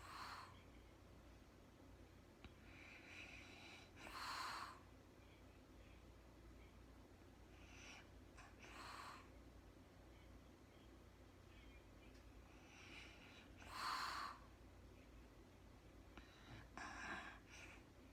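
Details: Woman recorded in real time sleeping at night, very tired, not talking: quiet, regular breathy snores about every four to five seconds, roughly 13 a minute, over low room hum; light sleep snoring.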